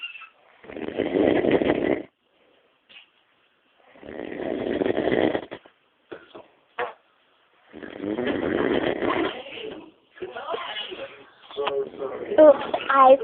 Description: Man Snors Like A Pig X Chainsaw. Very Unusual Breed